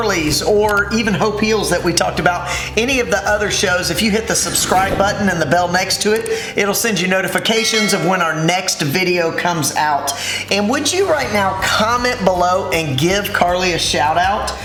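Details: Adult speaker; ordinary fluent speech.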